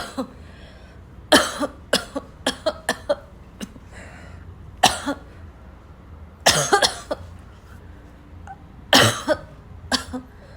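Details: A run of about a dozen harsh, forceful coughs in clusters with a choking, barking quality: coughing fit.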